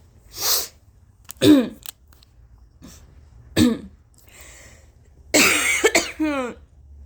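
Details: Person with allergies this week (congestion, itchy, scratchy, sore throat and nose, uncontrollable coughing, barely any voice for about 4 days) forces huge sneezes from an irritated nose: breathy, intense, high-pitched inhaled build-ups with catches, then several forceful sneezes in a row.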